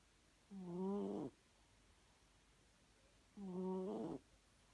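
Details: A cat snoring while asleep, with two slow, drawn-out nasal breaths with a whistling, squeaky tone, about 3 seconds apart, in a quiet room: snoring.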